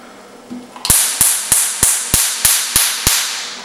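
Eight sharp, evenly spaced snapping cracks, a little over three per second, from a YAG laser firing pulses.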